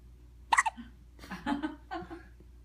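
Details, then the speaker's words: A sharp hiccup from a baby, then soft baby noises in a quiet room. "Call your husband. You got the hiccups, bud?"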